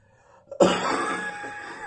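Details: Chesty, throaty, wheezy cough: a single harsh, chesty cough burst trailing into a throaty, faintly whistling exhalation.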